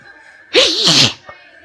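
A single loud, explosive sneeze with a sharp intake and hiss, over quiet room noise; allergic hay fever sneezing.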